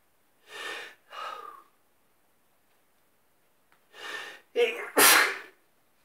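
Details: Morning sneezing in bed, described as a bit wet: a few sharp, wet sneezes with quick inhaled build-ups between them, ending in a loud, forceful burst.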